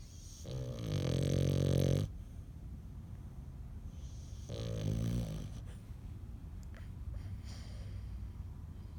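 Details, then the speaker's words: Mabel, who is awake, making two long, low, rattling snore-like sounds of one to two seconds each in a quiet room; snoring while awake. "You awake snoring again, Mabel?"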